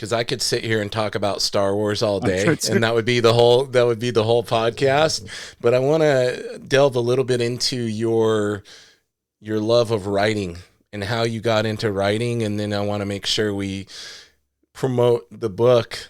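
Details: Adult male speaker; Normal conversational speech.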